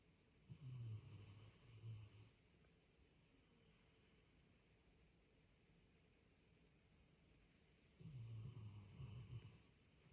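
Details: Snoring at 4 am keeping the listener awake: two low, rattling snores a few seconds apart, each on a drawn-in breath, with quiet breathing between; snoring.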